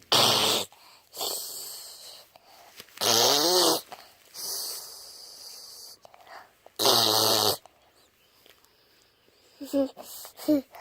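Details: Loud rasping snoring breaths about 16 a minute, some with a high whistling edge; possibly put on to trick the mother, so it may be feigned snoring.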